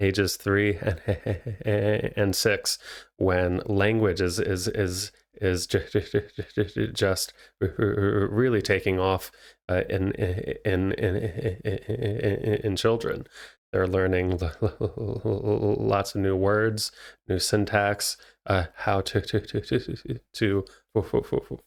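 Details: Stuttering in an adult man who is a licensed speech therapist and a person who stutters.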